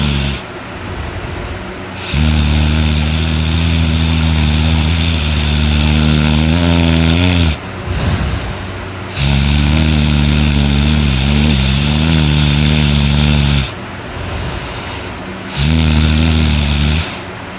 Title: Me Snoring Very loud and hard